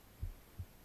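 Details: Heartbeat recorded at the left side of the chest while the person reads aloud for ASMR relaxation: two soft, low thumps under a faint hum in under a second; normal heartbeat.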